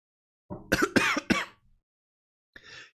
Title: i left a cough in this one for authenticity. that's the Real Promise, Guaranteed